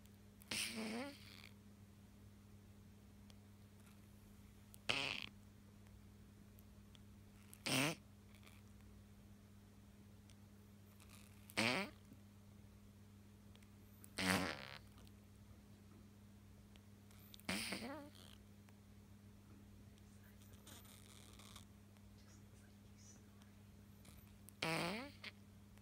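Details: Stertor in an awake animal after two surgeries for stenotic nares: harsh, snorting, snore-like breath noises recurring every few seconds.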